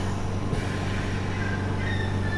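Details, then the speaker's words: Oxygen concentrator switched on with its black button, drawing in room air through a side filter to deliver oxygen to a patient at up to 5 litres per minute: steady low mechanical hum and compressor rumble. "आपके सामने ये concentrator है, इसको एक black button नीचे दिया होता है, इससे इसको ऑन कर सकते हैं। ऑन करने के बाद में आप देखेंगे कि ये वातावरण की जो एयर है उसको लेता है और उसमें से ऑक्सीजन को पेशेंट को प्रोवाइड करवाता है।"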